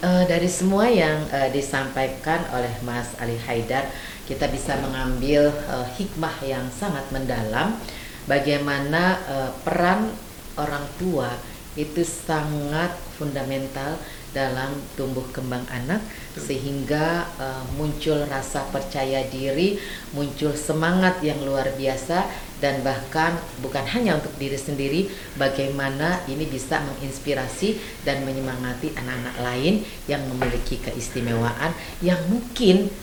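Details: Adult speaker; normal speech.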